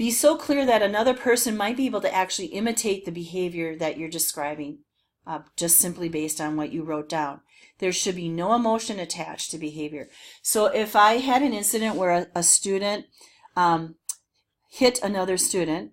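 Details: Adult woman speaking; normal speech.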